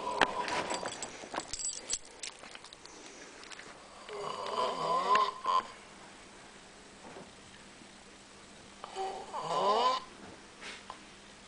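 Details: Two drawn-out snoring breaths about five seconds apart, each with a whistling, fluttering edge, in a quiet room; snoring.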